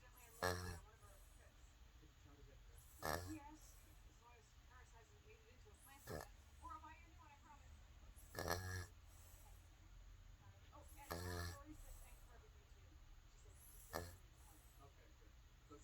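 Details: Rough, rattling snores at irregular intervals, about six over fifteen seconds, with quiet breathing between them; snoring.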